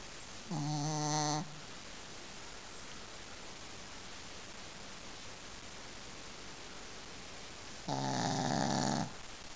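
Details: Sleeping dog snoring: two drawn-out, buzzing breaths about seven seconds apart, with quiet breathing between them.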